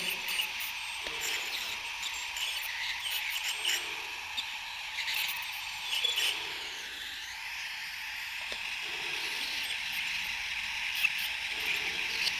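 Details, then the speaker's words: Veterinary teaching demonstration of dental scaling in a dog with a mouth gag: a water-cooled piezo ultrasonic scaler used subgingivally with constant small circular motions, giving a steady high-pitched whine, water-spray hiss and faint tip contacts. "you want to use constant motion and the backwards and forwards are small circular movement"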